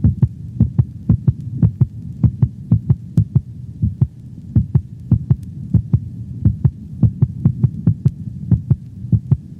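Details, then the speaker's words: Another normal dog recorded over the mitral valve location at about 100 beats a minute: the first heart sound is lower in frequency, and the second is shorter and sharper. Normal heart sounds. "note the lower frequency of the first heart sound as compared with the second heart sound now listen to the sounds of another normal dog recorded over the mitral valve location"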